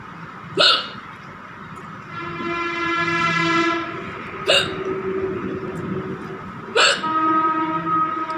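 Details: Woman's real hiccups after eating very spicy green chili without drinking water: three sharp, abrupt gulping hiccups, irregularly spaced, over a steady tonal hum.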